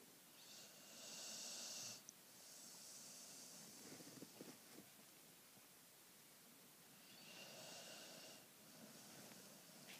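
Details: A sleeping Boxer dog snores with soft, hissing breaths, about two cycles in ten seconds, with faint snorts: snoring.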